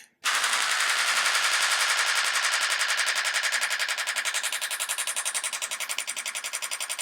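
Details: Radial shockwave therapy demo (Storz MP50 handheld applicator) on a patient's heel with ultrasound gel for plantar fasciitis/fasciopathy: loud, fast, even clicking bursts at about 11 pulses a second, 300 pulses delivered.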